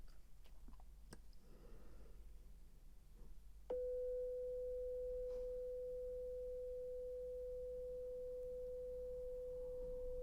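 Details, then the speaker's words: Simulated pure-tone audiometry in an ASMR audiologist exam roleplay: a steady pure test tone through headphones holds for several seconds after quiet room sounds, and the listener presses a buzzer on hearing the beep. "Now I'm just going to play these beeps and I need you to press when you hear them, okay?"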